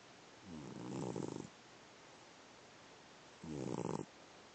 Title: snoring